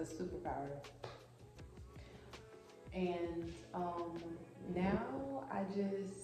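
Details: Adult woman who has stuttered since about age 6½, now mainly when excited, angry, upset or nervous, and who had speech classes in elementary and high school; stuttering.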